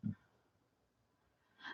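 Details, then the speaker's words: A small sleeping dog lying by a desk gives a brief low rumbling snore, then a pause and a softer snorting breath, against quiet room noise; snoring. "you can hear her snoring again she's hung from the desk again"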